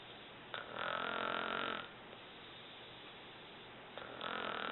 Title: Snoring Mom Part 1